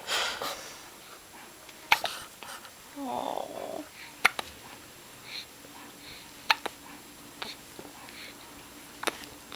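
Four sharp, brief clicks about every two and a half seconds in a quiet room, typical of hiccups.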